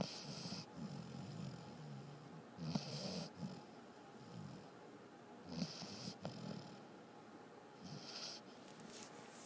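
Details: Basset Hound dog asleep: soft, irregular rattling breaths with a faint snort over steady room noise; light snoring during sleep.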